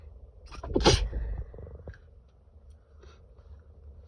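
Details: A single stifled sneeze attributed to allergy, a muffled burst with a little breathing afterward, over faint room noise.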